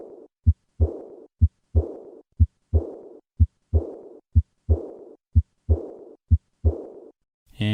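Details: Aortic stenosis murmur: regular heartbeat near 62 a minute, each first sound followed by a harsh crescendo-decrescendo systolic ejection murmur peaking late in systole, reflecting turbulent flow across the stenotic aortic valve.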